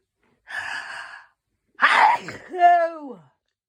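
A breathy intake, then a sharp explosive burst trailing into a voiced cry: a sudden sneeze, here linked to hay fever.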